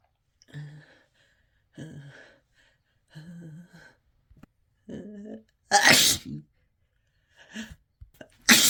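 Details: Uncontrollable sneezing after taking chhinkni sneezing powder: several short build-up breaths and snorts, then two explosive, harsh, desperate sneezes.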